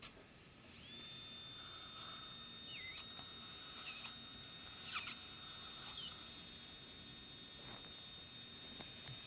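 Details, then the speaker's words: Slow-speed dental handpiece running a 3 mm latch reamer without irrigation, harvesting bone at the maxillary right canine implant site (tooth 6): high, steady whine with brief squeaks and scrapes. "so as you see now when we start reaming at such a slow speed that and since we're we are using such a slow speed there is no need for irrigation and there is an actual bone harvesting"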